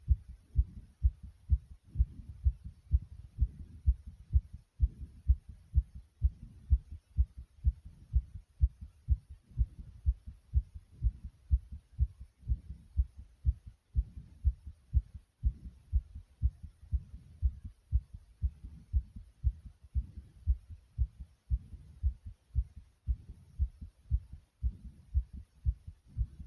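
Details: Recorder's own heartbeat: strong, regular, low-pitched, forceful pounding thumps repeating steadily throughout; pounding heartbeat.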